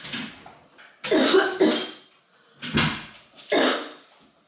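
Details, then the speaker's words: Simulated dry cough acted by a young woman as a prank: four harsh dry cough bursts in a small room, not a real illness. "I don't know why I can't just get rid of this cough it's just not com it's just dry yeah it's no good"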